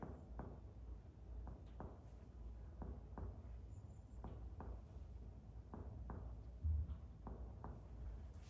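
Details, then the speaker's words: Comparative lung percussion, finger on finger over the infrascapular region of the back: paired soft hollow taps over low room hum, a clear resonant lung note, normal. "infrascapular region as we see everywhere is clear l sound"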